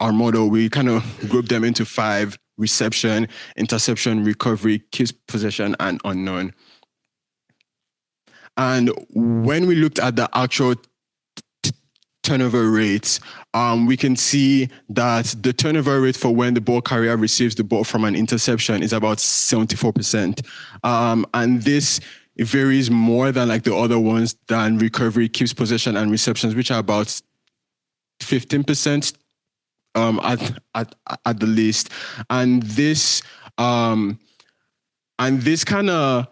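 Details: Real stuttering in a male presenter giving a conference talk, who says his speech impediment shows as repetitions, prolongations or blockages and that listeners will hear much of it; stuttering.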